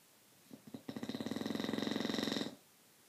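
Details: Snoring during sleep: one long, rattling snore with a fast fluttering buzz, lasting under two seconds.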